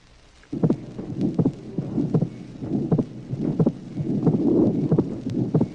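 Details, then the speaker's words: Atrial septal defect, 1966 teaching recording (track 15): heartbeat near 80 a minute with a soft mid-systolic pulmonary ejection murmur and a fixed, widely split second heart sound. "Tracé numéro 15. Communication interauriculaire. Souffle mésosystolique d'éjection pulmonaire. Dédoublement fixe et espacé du deuxième bruit. L'association de ces deux anomalies est caractéristique d'une CIA."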